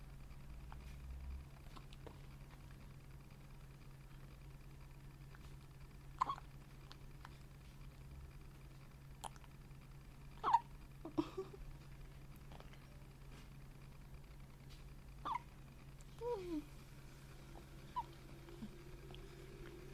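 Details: Newborn baby boy in a quiet room with a low hum; short, sharp, irregularly spaced hiccup sounds, about five to six in twenty seconds: newborn hiccups.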